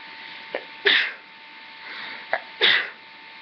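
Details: Sneezing induced with a rolled-up tissue: two sneezes, each a quick catch of breath then an explosive burst of air, over a steady faint hum; low-quality recording.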